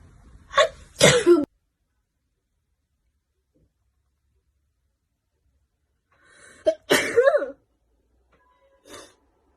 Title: Beautiful Chinese sneeze compilation